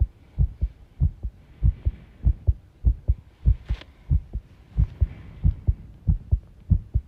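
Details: Heart sounds recorded by the person themselves while tidying a room, with arrhythmia noted: low heartbeat thumps of roughly 90–100 a minute with uneven spacing between some beats, an irregular rhythm, and faint rustling.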